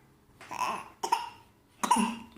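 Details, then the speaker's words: Child gives three short, forced cough bursts while an adult says it is not a real cough: voluntary fake cough. "You're not real coughing. You have a fake cough. Huh? You're cheating me. You're not coughing. It's not real. It's a fake."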